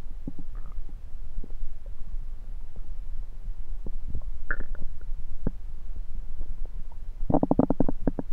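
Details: Abdomen recorded with a USB stethoscope: low gurgles and bubbling pops with a louder rumbling burst near the end; ordinary active bowel sounds (borborygmi).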